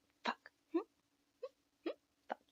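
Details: Woman with a Tourette-like tic disorder whose tics return each November, worsen for a couple of weeks, then gradually improve; swearing vocal tic that began that day; vocal tics (coprolalia).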